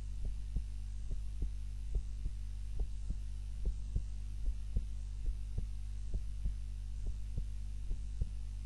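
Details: Heart sounds recorded on a timer during a nap, lying on the back rather than the usual face-down position; steady low paired thumps at roughly 70 a minute over a constant hum, normal resting heart sounds.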